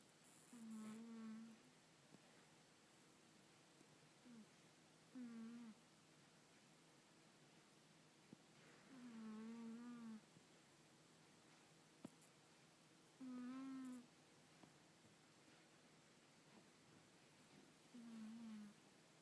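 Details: Sleeping subject: soft, high-pitched whistling snores about every four seconds, roughly 14 a minute, in a quiet room; snoring during sleep.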